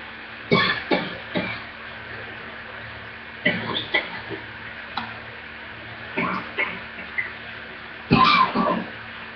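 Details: Bouts of deep, forceful coughs in quick clusters, about eight in total, over steady room noise on a poor laptop recording. This was a severe deep chest cough attack that shook the whole body and took the breath away, and needed an inhaler and a breathing treatment.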